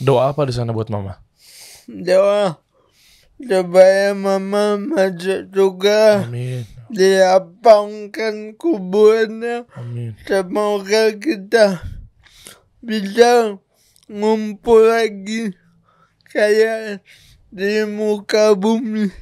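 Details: Adult man born in 1987 with cerebral palsy from birth, attributed to a birth injury during a breech delivery and described as severe; he could not walk until age 9; real speech; dysarthria (cerebral palsy).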